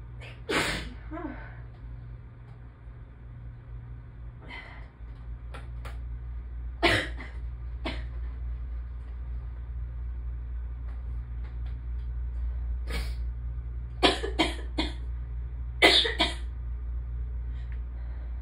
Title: Allergy attack part 2 - more intense, more buildups towards the end